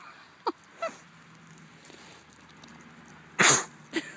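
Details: Two Swedish pigs rooting about, then a few short snorting bursts, one loud sharp sneeze and a smaller one after; sneezing.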